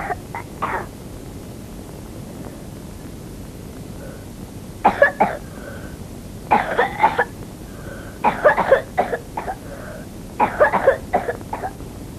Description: К симптомам коклюша относятся: спазматический кашель - короткие кашлевые толчки следуют на выдохе.